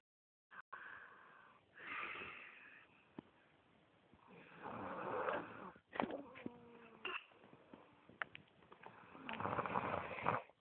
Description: Snoring!!! snoring at Oban!!